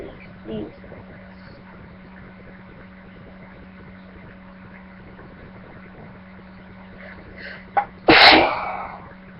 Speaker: guys, I'm gonna sneeze, like usual. It's just like, blah. Just Feels really weird.